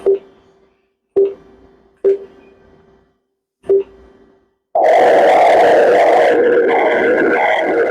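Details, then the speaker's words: Maternal-fetal Doppler ultrasound of the uterine artery sampled at the iliac crossing, little angulation needed, mother holding her breath: machine beeps then rhythmic whooshing pulsed flow signal, normal resistance uterine artery Doppler pattern. "a estoy en la zona de interés de la arteria uterina puede sonar por encima o por debajo del cruce no hay problema vamos a hacerlo por acá y como está como es un vaso grande no hay necesidad de hacer tanta angulación"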